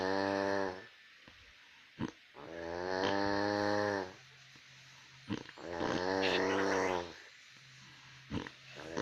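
Loud, rattling snores on each breath in, about 20 breaths a minute, with quiet pauses and soft snorts between.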